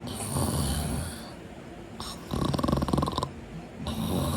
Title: How to treat a snoring husband #funny #laugher #comedy